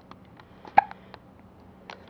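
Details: One sharp, short hiccup against quiet room sound with faint clicks, from a baby who gets hiccups often and seems unbothered; common, harmless hiccups.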